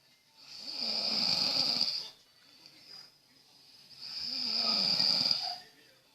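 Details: Person snoring while sleeping: two long, hissing, rasping breaths with a faint throaty rumble, separated by quiet pauses.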